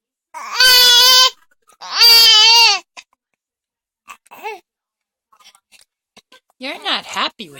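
Two long, loud, high-pitched wails followed by quieter fussing whimpers: an infant crying.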